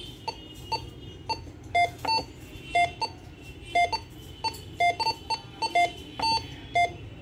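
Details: An LPM 904 cardiac multiparameter patient monitor running in demo mode beeps about once per second, some tones higher or longer than others, during a walkthrough of its configuration and screen options.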